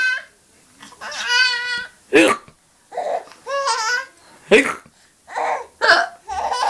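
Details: Mother's sharp, abrupt hiccups, about three, each followed by her baby's bubbly giggling as the baby, seemingly transfixed by the TV, still finds the hiccups hilarious; hiccups.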